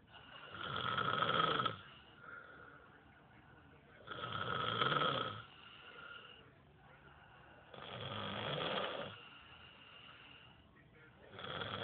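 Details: Three loud rattling snores on each in-breath, about 15 a minute, with quieter out-breaths between them; snoring during sleep.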